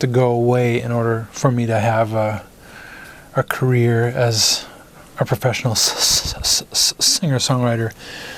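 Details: Adult man who stutters, onset in first grade after his parents' divorce; stuttering.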